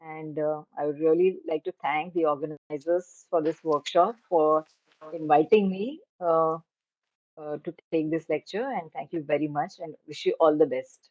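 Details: Adult speaker; Normal voice.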